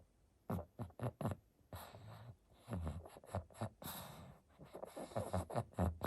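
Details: Pug snoring and snuffling, waking after a long nap: irregular short snorts and noisy rattling breaths with brief quiet gaps; snoring.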